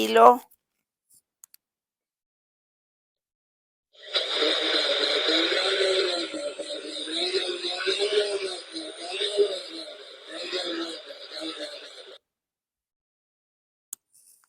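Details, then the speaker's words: Simulated tinnitus of the blender type: about eight seconds of churning, whirring noise, a sensation linked to flying, long trips and altitude changes; said to diminish. "estilo licuadora Cuando tenemos la sensación de licuadora es cuando volamos cuando nos fuimos a un viaje largo cuando regresamos cuando nos fuimos a diferentes altitudes no se me angustien este tipo de sonidos también disminuye"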